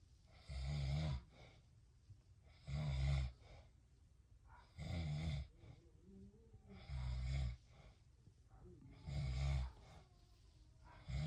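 Regular low rattling snores, about 28 a minute, each on the in-breath with quiet pauses between.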